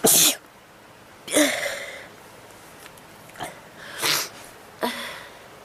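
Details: Sneezing attack: a run of about five sneezes in quick succession with faint background noise; a sneezing fit.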